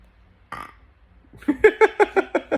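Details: Deliberately produced live burps on demand: a short rasp of air, then a rapid run of about seven voiced belch pulses.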